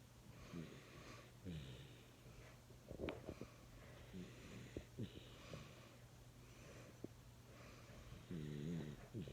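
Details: Jack Russell–Chihuahua mix dog that looks like a puppy, snoring while asleep: soft, rhythmic snuffling snores with faint whistling tones over low room hum.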